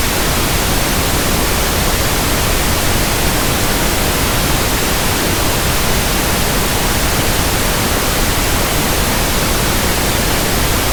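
Steady, even static hiss with no breaks, a pink noise sample used to match the sound of persistent background tinnitus.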